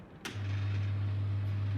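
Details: Portable suction machine in a nursing skills lab demonstration of sterile suctioning, after 30 seconds of preoxygenation. A click, then a steady low motor hum as it switches on and runs. Negative pressure is 120–150 for adults and 80–100 for children.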